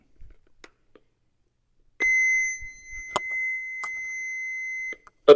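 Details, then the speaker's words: A few soft clicks, then a steady high electronic tone lasting about three seconds: a battery-powered AED trainer powering on before its voice prompts to apply pads to a bare chest. "But the first thing we want to do is to turn it on and basically just listen to it."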